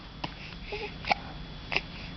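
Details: Infant girl aged 1–3 months, sitting up with a parent talking to her: three short, abrupt hiccup sounds about half a second apart over steady room noise; infant hiccups.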